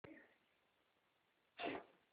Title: My cat has hiccups